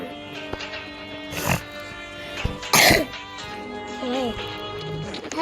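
Two short, harsh bursts, the second louder, over steady background game music: an adult's cough or throat clearing.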